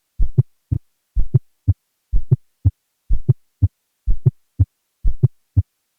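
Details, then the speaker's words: A teaching audio clip of a fourth heart sound (S4, atrial gallop): a regular heartbeat near 62 a minute with a soft, low extra sound just before each S1. "An S4 has been rarely described in patients in atrial fibrillation and atrial flutter, although the mechanism for this has not been explained. Here is a schematic and audio clip."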